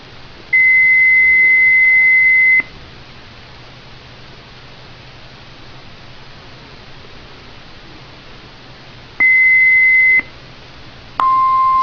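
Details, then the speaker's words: Heartstream FR2 (Philips FR2 Plus) AED during its self-test, after capacitor-check clicking and screen blanking: loud, steady high-pitched speaker-check tones, one long and one shorter, then a lower tone; normal AED self-test beep. "You'll hear some clicking. The screen will shut off for about a second. It'll shut off twice. It's testing its capacitors to make sure it works. You hear a beep."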